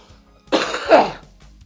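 One harsh, throaty cough burst from an adult recovering from a recent illness, with faint background music.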